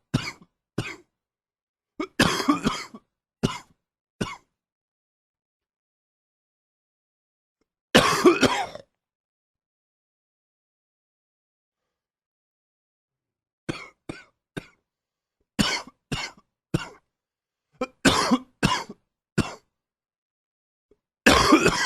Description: Morning cough, still with a slight cold.